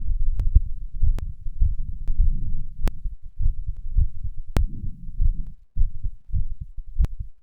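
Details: Heart sounds after exercise, third post-exercise recording: fast, low, thumping heartbeats about 100 a minute, with rubbing and contact noise.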